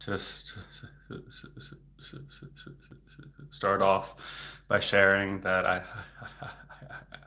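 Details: Adult male speech-language pathologist who stutters, speaking in a livestream, with word repetitions; stuttering.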